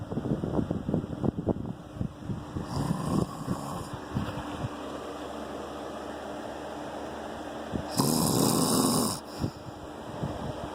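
Rough, fluttering snoring noises during sleep over steady room hum; ordinary snoring.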